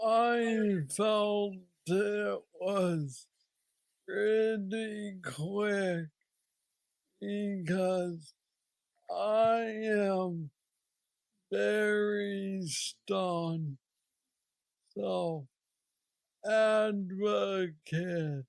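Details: Man diagnosed with Parkinson's disease at age 35, about nine years earlier, with what he calls the most aggressive form he knows; treated with a brain stimulator implant. Hypokinetic dysarthria (Parkinson's disease).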